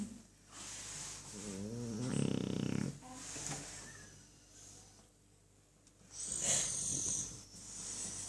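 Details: Sleeping dog snoring: rough, fluttering snoring breaths with hissy airflow and some room noise.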